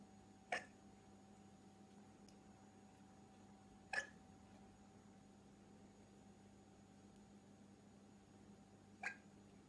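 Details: Girl in a black dress with hiccups: three brief, sharp hiccup sounds spaced a few seconds apart over a steady room hum.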